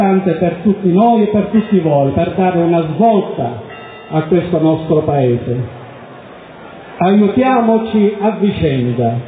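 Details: Adult male speaker; Normal speech.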